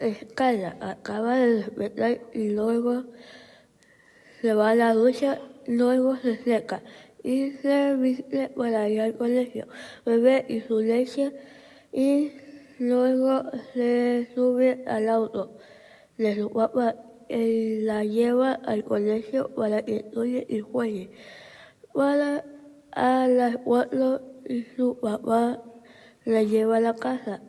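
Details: Patient with compensatory articulation.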